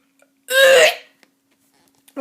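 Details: A kid deliberately doing burps, who says he now has hiccups: a single loud, voiced belch about half a second long in a quiet room.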